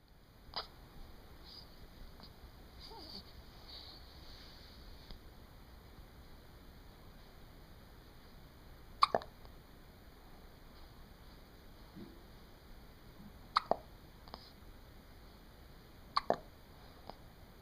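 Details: About four or five short, sharp gulping sounds at uneven gaps in a quiet room; hiccups.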